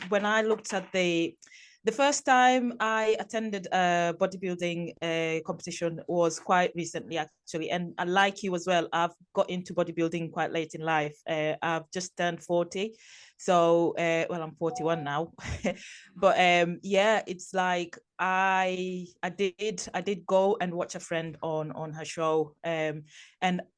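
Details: Adult woman speaking; normal speech.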